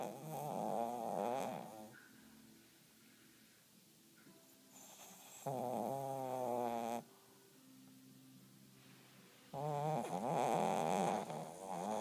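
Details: Sleeper snoring: three loud, buzzing snores with a strong tonal rattle, separated by quieter exhalations, about 13 breaths a minute; snoring during sleep.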